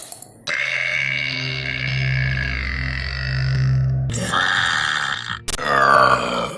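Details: Deliberate belching from a burping compilation: long, loud, rumbling burps, one lasting several seconds, then a shorter one; burping.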